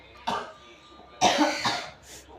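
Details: Child with a cough, being given kencur drink: a short series of about three abrupt coughs, the last two close together, in a quiet room.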